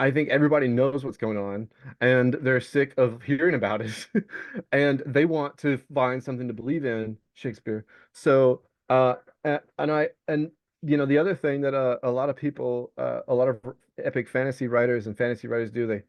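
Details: Vocal tic (Tourette syndrome) in an adult male Navy veteran diagnosed with Tourette's, with the tic word "Shakespeare" occurring during speech.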